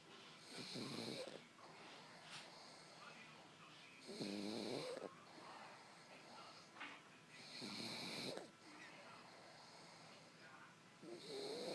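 Rhythmic raspy snores on each inhalation, about 17 a minute, with softer exhalations between: a dog snoring.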